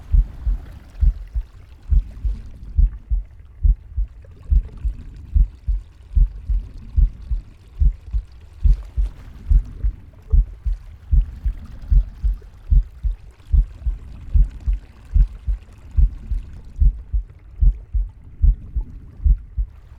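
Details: A pig's heartbeat of steady, low thumps at about 73 beats per minute, with soft breathing and stomach growling.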